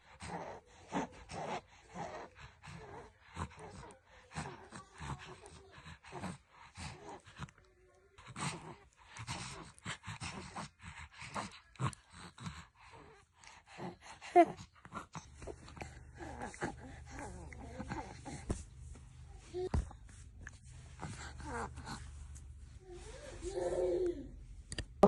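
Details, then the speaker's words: An infant with RSV bronchiolitis, whose mother hears wheezing inside the chest and whom several doctors urged to hospitalise, has a frightening paroxysmal dry cough: rapid runs of short dry bursts and noisy, strained breaths. "mana shu bolajonda aynan branhalit rivojlandi va uqada RS virusda aynan qo'rqinchli, quruq quruch sumon yotal rivojlanadi."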